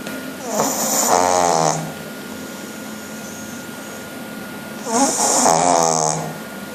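Two loud, rattling snoring breaths a few seconds apart, with quiet pauses between them; snoring in a flat-faced dog.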